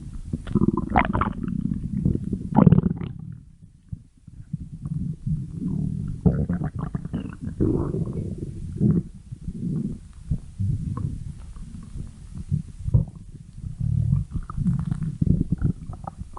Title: stomach growling 16